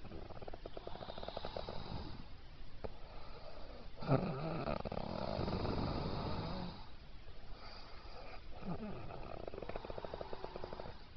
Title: Roncando